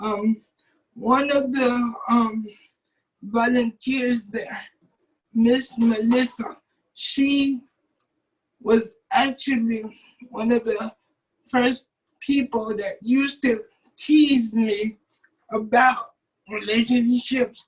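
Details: 27-year-old man with cerebral palsy since birth, muscles not working like others', wheelchair user; doctors told his family he would never talk. Dysarthric speech in cerebral palsy.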